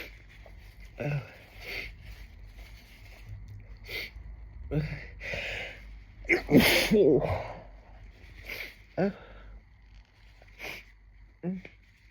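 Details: Sniffs and quiet breaths build to one loud, forceful voiced sneeze, then more sniffing, over a steady background hum; sneeze triggered by listening to another person's sneezing video.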